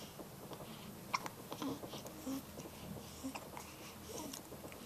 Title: Baby Hiccups